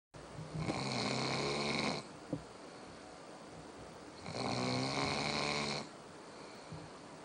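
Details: Dog snoring "like a chainsaw": two long, buzzing, rasping snores with quiet breathing between them, about 17 breaths a minute.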